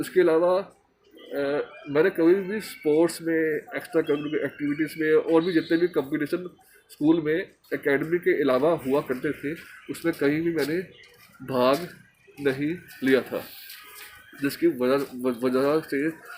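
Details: Man who stammers, speaking Hindi in a stammering association course task on emotional recovery; stuttering.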